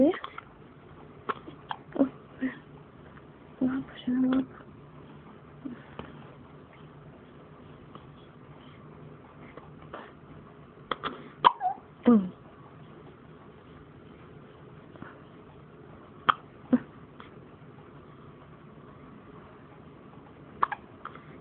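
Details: Baby hiccups: soft, sharp little catches recurring at irregular intervals over quiet room noise and a few adult words.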